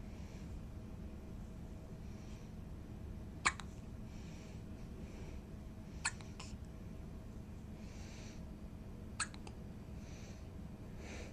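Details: Three short, sharp hiccups a few seconds apart over a steady background hum.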